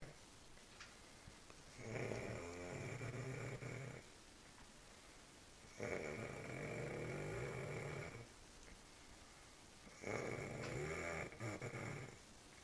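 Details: Three loud, rattling snores about two seconds long, separated by quiet exhalations, at roughly 14 breaths a minute; snoring.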